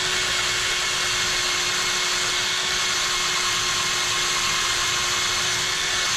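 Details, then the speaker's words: Cadaver dissection for posterior tibial and flexor tendon transfers for flatfoot and foot drop; steady high-pitched whine of a surgical power drill drilling over a guide wire into bone. "So now that you have that through, you can go ahead and use that to drill over. So we will use our drill here."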